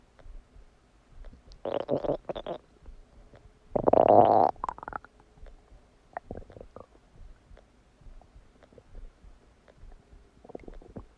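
Loud gurgling, bubbling rumbles in irregular bursts from the abdomen: ordinary bowel sounds of digestion after a meal.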